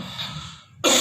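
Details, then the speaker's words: Demonstrated cough pattern of asthma (medium bronchiole pathology): a deep inspiration followed by a single harsh cough burst. "The patient will, before cough, the patient will take deep inspiration and will cough like this."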